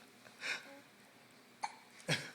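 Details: Three short, abrupt gulping catches about half a second to a second apart, in a quiet room; hiccups.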